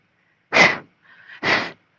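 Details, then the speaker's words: A person imitates their cat's recurring cough: two harsh, forceful hacking bursts with a faint wheezy in-breath between. The cat crouches low during episodes lasting seconds, has never produced a furball, and the owner suspects allergies or asthma. "No, she's never had a furball. She just coughs. Yeah, I think she has allergies or asthma."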